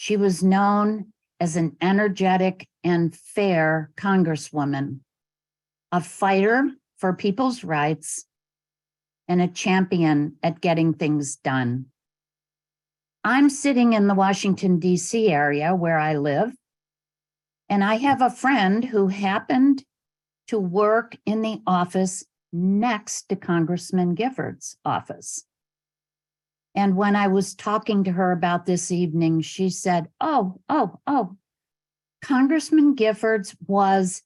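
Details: Adult woman speaking; Plain speech.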